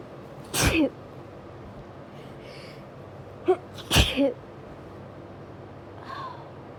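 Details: Hay fever sneezing during a high pollen count: several explosive sneezes, some with a quick lead-in breath, in a quiet room; repeated sneezing.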